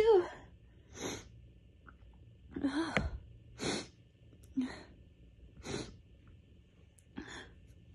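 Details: Allergic sneezing fit caught right before bed, during a week of bad allergies: several itchy sneezes in a row, each preceded by a sharp in-breath or gasping build-up.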